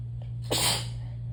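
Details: Single sudden, explosive, wet, spraying sneeze over a steady low hum, from someone who has been very sneezy since the previous night; sneeze.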